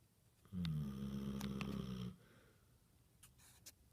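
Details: Basset hound snoring while asleep and apparently dreaming: one low, buzzing snore lasting about a second and a half, then quiet breathing with faint room noise.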